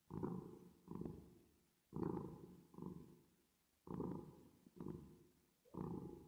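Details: Resting cat with reverb effect added: slow, rhythmic low rumbling bursts about 30 a minute; purring.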